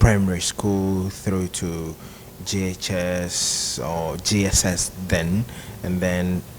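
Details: Adult broadcast journalist who has stammered since childhood, with uncles who also stammered, dominant through primary and secondary school; stuttering.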